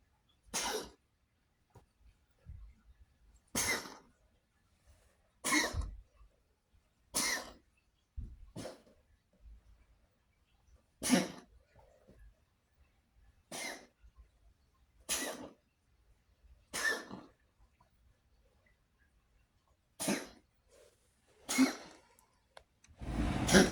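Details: Cat coughing, recorded to show the vet, possibly asthma: a series of short, harsh, dry coughs.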